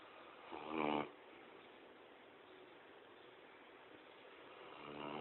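A low, rumbling snore on breathing in, then a quiet pause and the start of the next snore, over steady room hiss.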